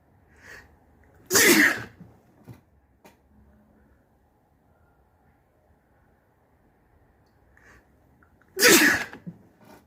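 Two sharp, wet, explosive sneezes about seven seconds apart, each with a brief in-breath before it, in a quiet room.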